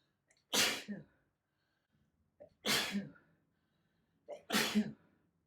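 Three natural sneezes, each a quick inward breath followed by a loud, sharp burst of air, a normal sneeze.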